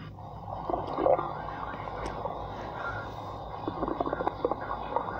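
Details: Irregular low gurgles and bubbling squeaks over a steady hum, bunching into a run of quick gurgles near the end: stomach growling (borborygmi).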